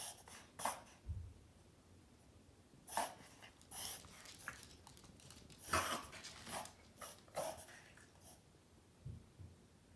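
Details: A 7 lb Morkie (Maltese mix) with recurrent reverse sneezing attacks, checked by a vet and found okay, makes loud snorting, honking inward breaths in bursts during a reverse sneezing episode.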